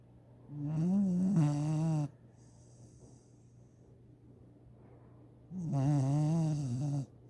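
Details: Snoring: two long, low, rumbling snores about five seconds apart, with quiet between them.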